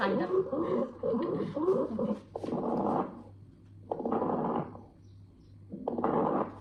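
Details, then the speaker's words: Chest recording replayed by medical students: brief talking, then three noisy breaths with crackling texture; fine crackles, distinguished from coarse crackles. "Fine ക്രാക്കസ്. ഫൈനും ക്രോസും തമ്മിൽ വ്യത്യാസം വന്ന ഇത് നോക്ക്. പോപ്പിങ് sound."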